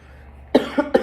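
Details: 17-year-old student giving a demonstrative speech to a small audience; a short burst of three quick coughs against quiet room noise.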